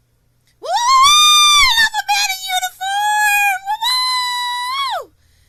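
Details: Acted reproduction of a complex phonic (vocal) tic by an adult woman with Tourette syndrome, recently switched from aripiprazole to haloperidol.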